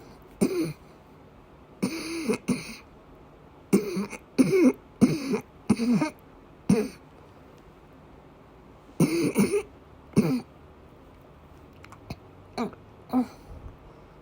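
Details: Female with persistent asthma attacks and migraine-cluster headache complex, coughing with vomiting: about a dozen harsh coughs in repeated clusters, ending with weaker ones; a coughing fit.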